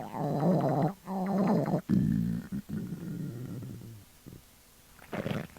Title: girls hungry stomach growl